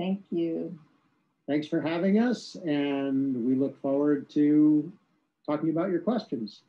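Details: Adult speaker; ordinary speech.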